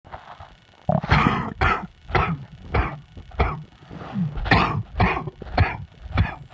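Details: An adult with a summer chest cold coughs repeatedly in quick bursts: a loose, chesty cough.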